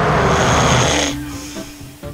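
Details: Loud, rough snoring from an adult male lorry driver with sleep apnoea later treated with CPAP, recorded asleep at night; a typical obstructive sleep apnoea snore loud enough to disturb his partner.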